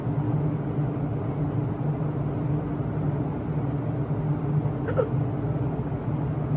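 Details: Hiccups after waking up, while tired: a single short hiccup sound against a steady hum of fan noise.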